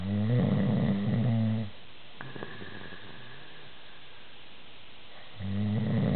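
Two loud, low, rattling snores on breathing in, with a quiet pause between them.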